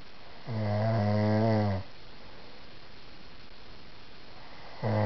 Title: Snoring!